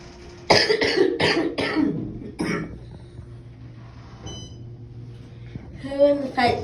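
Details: Adult coughing at home during a family and dog reunion: a quick run of about five harsh, dry-sounding coughs, then a quiet room with a faint beep and brief voices.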